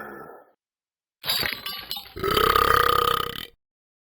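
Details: A long, loud, rumbling belch lasting over a second, after a brief clattering noise; burping.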